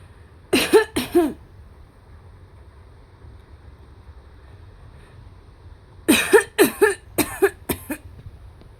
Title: Audition cough